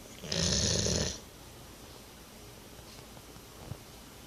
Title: Snoring retriever